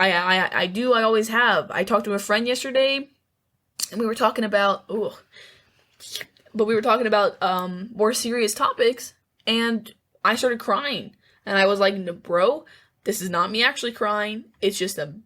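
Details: Self-reported stuttering (speech impediment) in a female speaker, worse when nervous or over-emotional, with lifelong communication difficulty.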